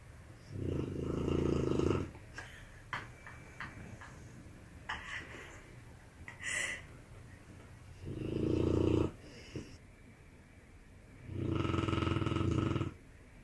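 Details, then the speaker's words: Dog snoring loudly while asleep: three loud, low, rattling snores with quiet pauses between them. "how my dog snores. You've never seen it."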